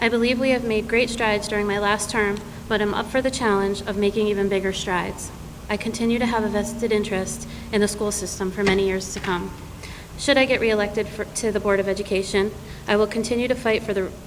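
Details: Adult woman speaking; normal voice.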